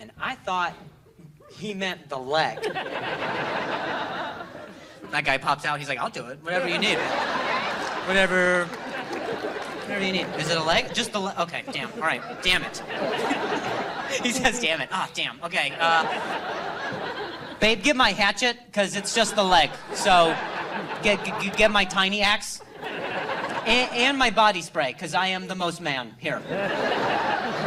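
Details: Comedian, adult male, with stuttering who says hearing noises in his ear while talking makes him stutter; live stand-up crowd work, stuttering.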